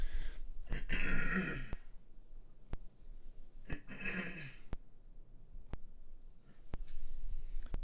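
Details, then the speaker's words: Two rough, forceful throat-clearing efforts from an adult feeling under the weather with a failing voice, sounding thick as if clearing phlegm. "Oh my God, like my voice is just actually evaporating real time."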